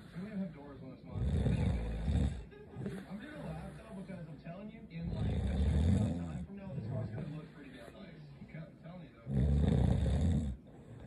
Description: When she snores like a diesel motor just brings all the boys to the yard